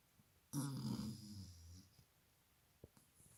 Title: HER SNORING WOKE HER UP!